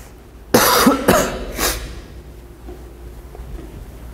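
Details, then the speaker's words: Adult teacher recording a math lesson: three quick coughs in a quiet room, fading into soft room noise. "어, 죄송합니다. 기침 소리 들어가면 되게 귀합일 텐데."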